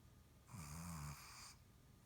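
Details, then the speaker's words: Loud rumbling snore with a low vibrating tone and breathy hiss from a female Shih Tzu asleep in her living-room bed with her tongue out; her snoring is loud enough to drown out the TV. "You're snoring. Your tongue's out. And you're snoring."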